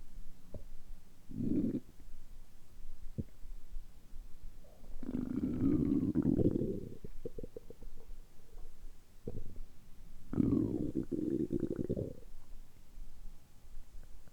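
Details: Stomach rumbling after about a 12–13 hour light fast and after drinking carbonated water on an empty stomach: low gurgling, rumbling bursts with bubbly pops; ordinary bowel sounds.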